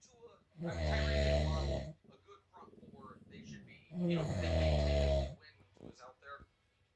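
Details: Adult man asleep, whose wife says he denies snoring: two loud, rumbling snores on breathing in, with quieter breathing between, in a quiet room; snoring.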